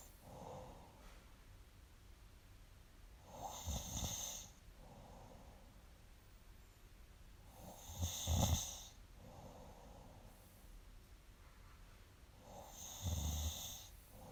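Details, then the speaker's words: Snorer with sleep apnea: three slow, rattling snores with soft breaths between, about 13 breaths a minute; long noisy vibrating snores, quiet exhales. "looooong, noisy, vibrating, snore..... looooong quiet exhale........ short, shallow, noisy"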